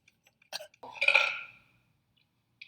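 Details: Young woman burping during a talking video; she mentions an earlier burp hurt her chest. A single short burp in a quiet room.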